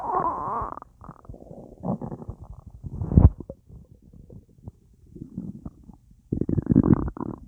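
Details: Active bowel sounds (borborygmi) after a large meal with a drink, much gas in the belly and feeling very full: gurgling, bubbling low rumbles with brief pauses.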